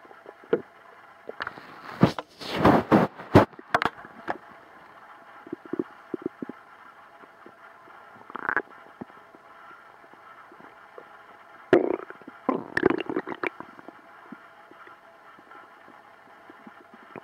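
Irregular gurgling and rumbling bursts over a steady background hiss; ordinary stomach growling, a normal sign of gut movement.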